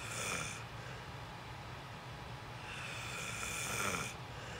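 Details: Person recorded sleeping: two loud, rough, rattling snores on breathing in, separated by a quieter pause; loud snoring.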